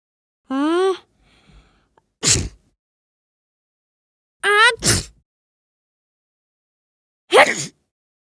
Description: Add a touch of realism or humor to your project with this Kid Sneezing Sound Effect, featuring the authentic sound of a child sneezing.